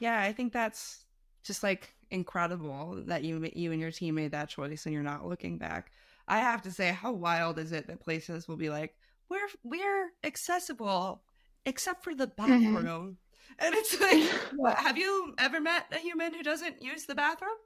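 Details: Adult woman speaking; typical speech.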